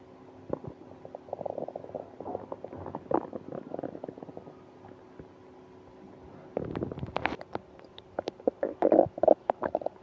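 Gurgling, bubbling abdominal rumbles, with a louder burst of gurgles toward the end. These are active bowel sounds, heard here during stomach pain.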